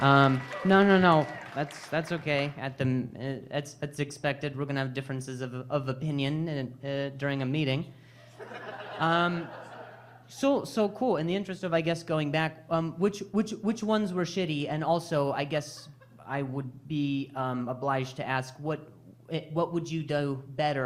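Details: Adult male stand-up comedian with stuttering, speaking on stage during crowd work; he says he stutters more when hearing noises and that it depends on his anxiety level.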